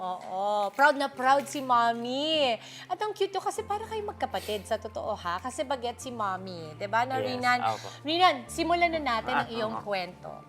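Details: Adult female speaker; normal speech.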